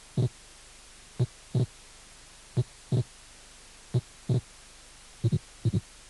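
Slow, regular paired heart sounds at about 43 beats a minute, with the later sound of each pair heard as two close components. This is wide, fixed splitting of the second heart sound, an abnormal finding in which the split does not change with breathing.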